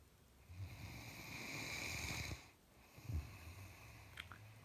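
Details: Sleeping Great Dane wearing a Santa hat: a long, rattling, whistly breath in, a pause, then a shorter snorting breath out: loud snoring.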